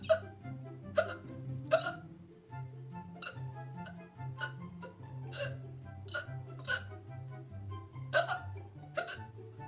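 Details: About a dozen abrupt, voiced "hic" sounds over music, roughly one per second: a run of hiccups.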